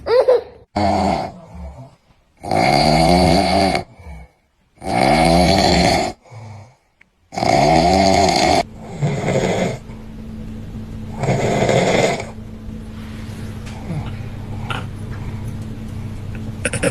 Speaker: My husband snoring in his sleep and scared the baby.